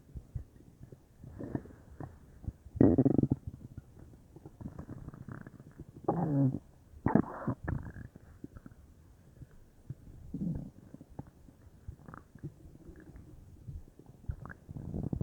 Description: I'm not sure if this was in my stomach or my intestines but my whole belly area felt bubbly haha, I hope you all enjoy!